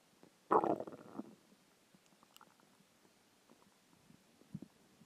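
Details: Hunger stomach growling after a skipped lunch: a loud gurgling rumble lasting under a second, then faint scattered gurgles; normal borborygmi.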